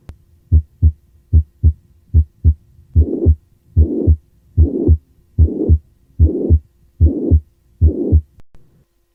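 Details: Ventricular septal defect: loud, high-pitched pansystolic murmur, best heard at the third and fourth left intercostal spaces.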